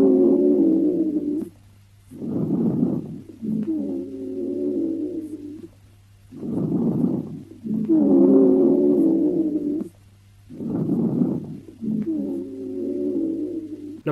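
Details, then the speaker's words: Rhonchi: low-pitched, snoring, rumbling breath sounds through each breath, from air blocked by increased mucus in the large airways, as in bronchitis and pneumonia; a teaching example for EMTs and paramedics. "now ronchi occurs when air is blocked or disrupted in the large airways bronchi is often caused by increased mucus in the airways and is common with bronchitis and pneumonia this is what ronkai sounds like"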